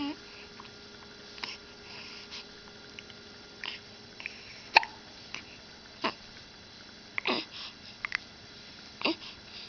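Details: Girl who gave herself the hiccups and hits herself in the face: repeated brief sharp hiccups at irregular intervals, about six in ten seconds, with faint room noise.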